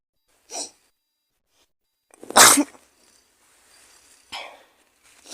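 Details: Acted sneezing by a girl, simulated cold with fever: a soft sneeze, a loud explosive sneeze, then a third, with small sniffs and breaths between.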